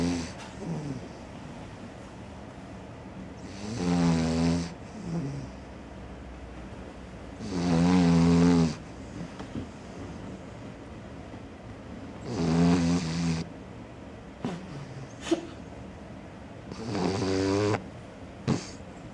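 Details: Sleeping Cavalier dog: rough, buzzing snores in rhythm, about 14 per minute, with quiet pauses between breaths; snoring.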